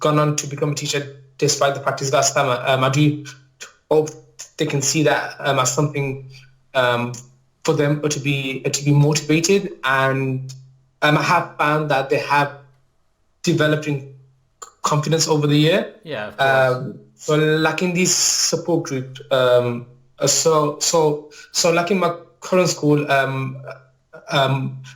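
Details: Adult male maths teacher, real, with a lifelong stammer, mainly blocking type on certain words or sounds, worse when nervous; finding: stammering (stuttering).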